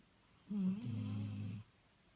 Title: chip snoring